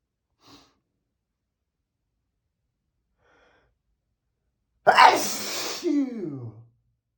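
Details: Male, huge sneeze: a faint breath, then one loud explosive sneeze with a falling voiced tail.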